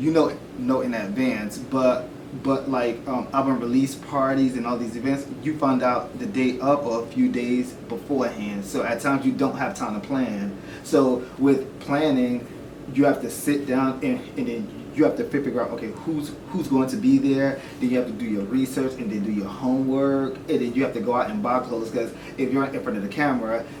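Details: Adult man who stutters, more when nervous or recalling rehearsed questions and less in conversation; has tried stuttering classes; stuttering.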